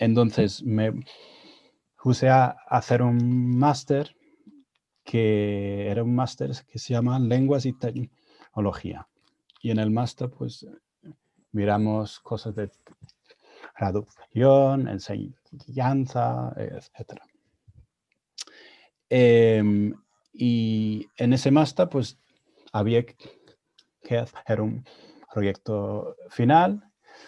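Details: Adult man with stuttering, speaking Spanish, his second language; he reports his stuttering held back his learning of Spanish.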